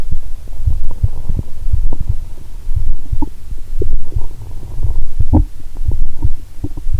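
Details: Stethoscope on the abdomen while lying down, after cola with Mentos: low gurgles and bubbling pops over a steady thudding background, the heartbeat also clearly audible; active bowel sounds.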